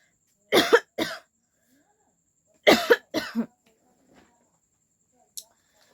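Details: Two pairs of short, dry-sounding coughs with quiet pauses between, from a person with a cold, recorded for a coughing challenge.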